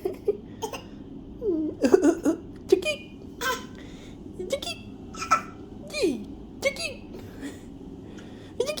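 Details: A 9-month-old baby girl has morning hiccups: short, sharp, repeated vocal catches at irregular intervals over faint room noise.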